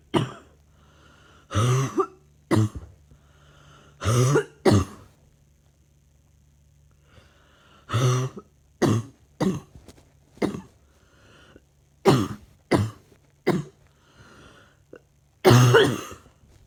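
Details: About a dozen short, dry coughs and throat-clearing bursts repeating in clusters over roughly seventeen seconds; recurrent annoying cough.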